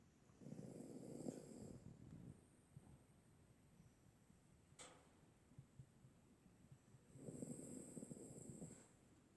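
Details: Sleeping dog snoring, either a senior rescue dog or Percy the Labrador, with two long, rough, rumbling snores about seven seconds apart and a short snort between them.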